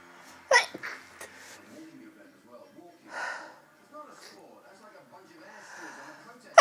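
Several brief, muffled sneezes held back against closed lips, with faint background sounds; stifled sneezing.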